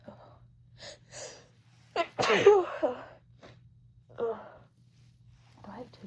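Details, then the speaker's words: Adult woman's sneezing fit just after a massage ending with strong menthol scent (usually allergic only to dust): quiet breathy catches building to one forceful sneeze, then softer gasps and another burst, engine hum behind. "Um but I don't know, something about that menthol just immediately made me all stuffy and sneezy."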